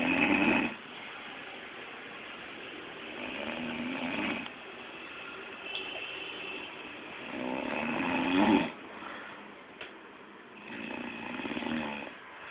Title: snoring like big baby